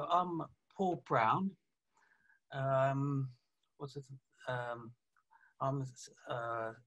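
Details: 48-year-old man, a police detective, with aphasia after a stroke about three years earlier, plus right-sided weakness of his hand and leg; aphasia (word-finding difficulty).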